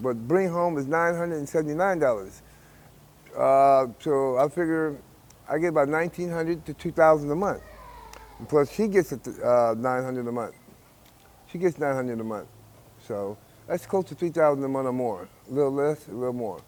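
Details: Adult man speaking; typical speech.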